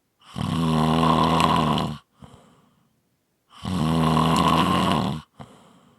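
Loud, rough snores on each in-breath, about 20 breaths a minute, each followed by a short quiet out-breath; ordinary snoring.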